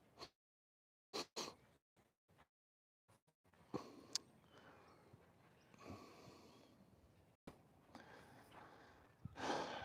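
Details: Forceful breathy blowing through the nose amid quiet room noise: a horse snorting during an equine chiropractic session.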